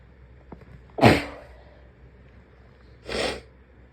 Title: Some covered sneezes ￼